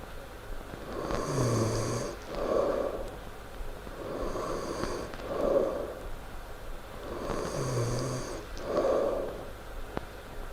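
Loud rattling snores on each in-breath with a softer out-breath, about three cycles in ten seconds, roughly 17 breaths a minute.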